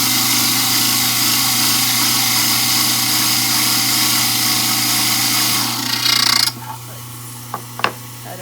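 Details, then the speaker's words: Steady loud motor whine with rough grinding for about six seconds, then the motor stops and a few clicks follow. A study model is trimmed parallel to the countertop; model trimmer grinding. "We're going to trim it so that this high spot is parallel with the countertop."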